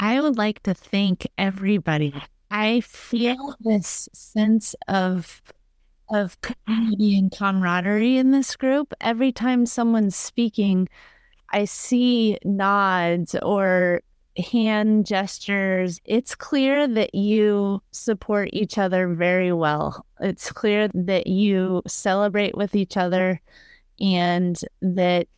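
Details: Adult woman speaking; Normal speech.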